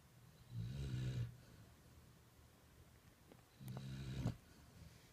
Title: Snoring puppy! Sounds like grandpa!